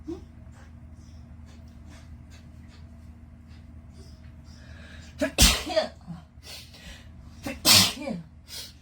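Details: Quiet room hum, then two sharp, forceful sneezes a couple of seconds apart, induced by a COVID-19 nasal swab test.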